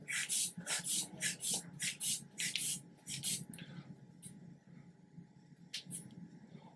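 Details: Hand bulb rapidly pumping a blood pressure cuff on the patient's right upper arm, stethoscope over the brachial artery for auscultatory measurement, with rhythmic hissing puffs then quieter leak sounds; cuff inflation.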